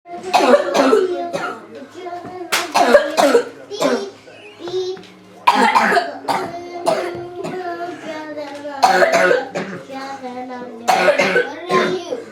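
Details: A child with a persistent cough who cannot stop coughing gives repeated sharp bursts with voiced sounds between them over about twelve seconds.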